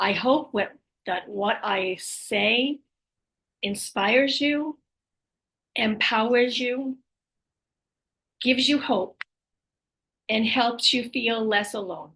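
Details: Female with aphasia, apraxia of speech and dysarthria after a stroke, initially unable to speak at all after the stroke; speech can be hard to understand; aphasia, apraxia of speech and dysarthria after stroke.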